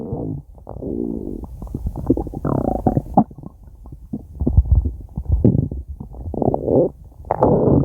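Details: Stomach growling over 5 minutes: low gurgling rumbles and squelching bursts with a few brief higher squeaks, borborygmi.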